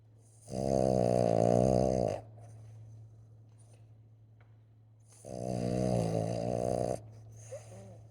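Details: Sleeping Boston dog snoring: two long, loud, buzzing in-breath snores about five seconds apart, with a steady low hum in the room.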